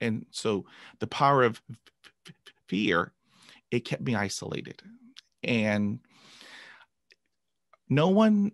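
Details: Adult man who began stuttering at age 5 after a traumatic dog attack and has had 20 years of speech therapy. Finding: stuttering.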